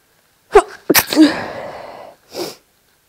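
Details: Deliberately induced sneeze in a person without allergies or hay fever: sharp inward catch, then explosive sneeze with a trailing breathy rush and short exhale.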